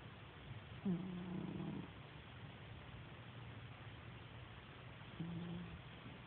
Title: cat snoring